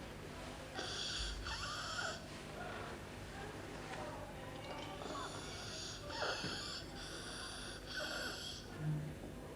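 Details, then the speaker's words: Child breathing in: harsh, high-pitched crowing noise on each inspiration, stridor from a narrowed upper airway. "Next, Look and listen for stridor. Stridor is a harsh noise made when the child is breathing in."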